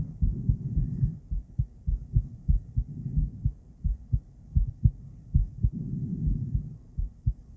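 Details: Heartbeat of a female heard with an ultrasonic Doppler device.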